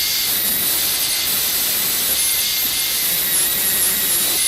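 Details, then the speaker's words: Steady high-pitched whine with a faint hiss of air and water spray from a high-speed dental handpiece; it cuts a connecting occlusal groove between 1 mm depth holes on a model mandibular molar for a full cast gold crown preparation. "Once placed, these depth holes, after their depth of approximately 1 millimeter has been verified, can be connected by making a horizontal cut following the normal anatomy of the occlusal surface."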